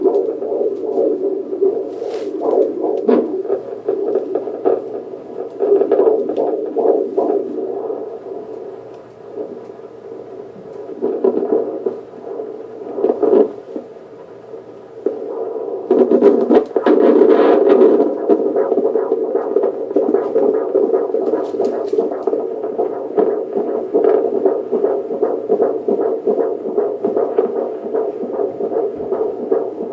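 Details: Fetal heartbeat on Doppler: rapid whooshing pulses at roughly 150 beats a minute over a steady hum.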